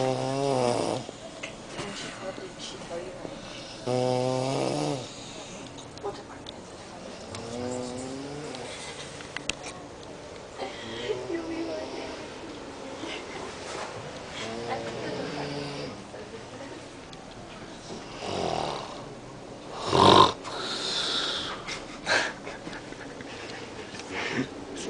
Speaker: I can't fucking go to sleep because of this shit.